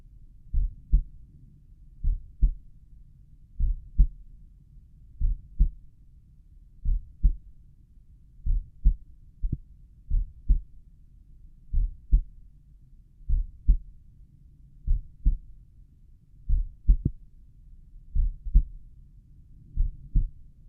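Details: Adult's own slow resting heartbeat recorded at the tricuspid area: slow, steady lub-dub at about 37 beats per minute with crisp paired heart sounds; sinus bradycardia.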